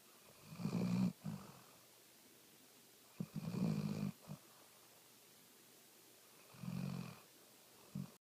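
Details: Hound dog snoring repeatedly: low rumbling snores on each in-breath, about three in eight seconds, each with a brief snort after it.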